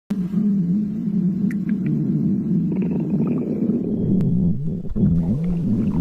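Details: Stomach growling (borborygmi).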